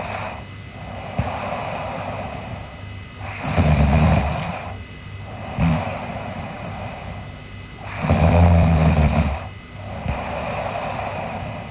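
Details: A sleeping girl snores with low rattling snores on each inhalation, roughly 13 breaths a minute, with steady room hum in the background; ordinary snoring during sleep.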